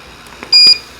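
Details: Inogen One G4 portable oxygen concentrator, flow settings 1-3: one short, bright electronic button beep over faint room noise, confirming a flow-setting increase.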